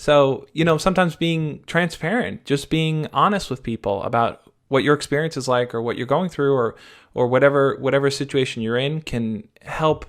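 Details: Adult man speaking; ordinary speech.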